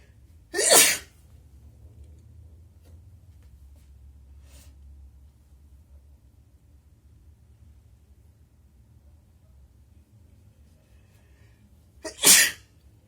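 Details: Two sharp, forceful sneezes about eleven seconds apart in a quiet room, with a faint sniff between them; ordinary sneezing.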